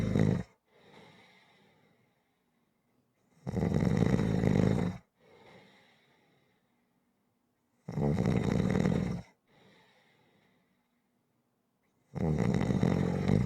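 Loud rough snores about every 4–5 seconds, with softer breathing between them; roughly 14 breaths a minute, steady rhythmic snoring.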